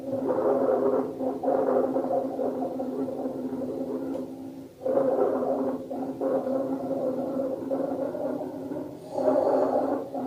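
Low-pitched, rumbling, snoring breath sounds come in repeated cycles, typical of rhonchi.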